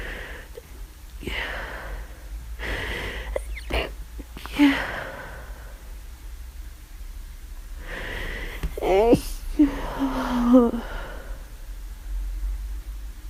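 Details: Several abrupt sneezes with gasping intakes and voiced bursts over a steady room hum, recorded over about half an hour. The sneezing is repeated during flu, with near-constant nasal itching and aching from frequent sneezing.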